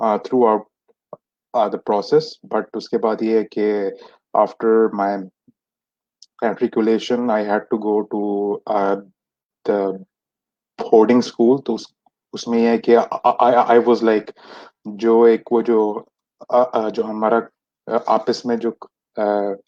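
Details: Stuttering in an adult man who has stammered since age 6; many speech therapies did not help him, speaking in a session by stammerers for stammerers.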